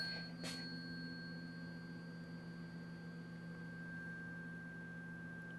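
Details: Tuning fork struck and placed on a female subject's mastoid process behind the ear for a Rinne hearing test: a sharp strike, then a clear, steady pure tone that slowly fades.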